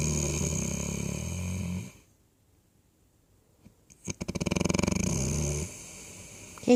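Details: Dog snoring: loud, rough, rattling breaths in, a pause, then a fluttering, vibrating snore.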